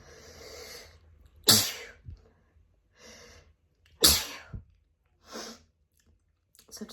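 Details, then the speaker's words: Repeated loud, explosive sneezes, each after a sharp in-breath and followed by softer breathing, right after a walk outdoors; new autumn seasonal allergies, with lightheadedness after sneezing. "And I've been for a walk and now this is happening. So I grabbed my phone quickly, as quickly as I could."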